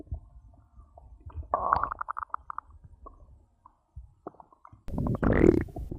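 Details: Bowel sounds (borborygmi) after drinking cola, recorded for ASMR: gurgling, bubbly stomach growls in bursts with quiet gaps.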